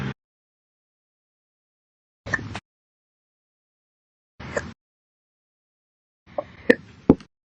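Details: Slow daily hiccups: abrupt hiccup sounds separated by long silences, about one every two seconds early on, with a few quicker ones at the end.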